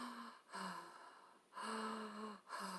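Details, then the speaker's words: Normal vesicular breath sounds (imitated) as heard through a stethoscope, demonstrated in a Korean respiratory anatomy, physiology and diagnostic testing lecture. "자, 그리고 이제 청진을 했을 때 이제 폐포음이 들리는데 정상적으로 우리가 그 청진기로 해서 들으면"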